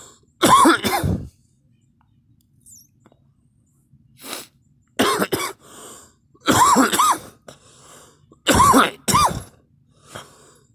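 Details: Three bouts of loud, harsh coughing, each a pair of bursts, with quiet breaths between in a small room; cough.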